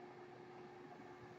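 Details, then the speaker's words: Speaker's own home ventilator heard while recording a podcast: steady mechanical hum with a faint low tone, ventilator running noise. "noise you're hearing is my ventilator and welcome to womp rat Wednesday"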